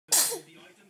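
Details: 7-month-old girl sneezing while eating spaghetti at dinner: a single sharp, hissing burst of air that fades quickly, a sneeze.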